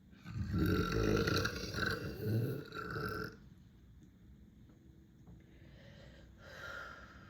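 One long, deep, rumbling belch lasting about three seconds, then quiet room noise; burping.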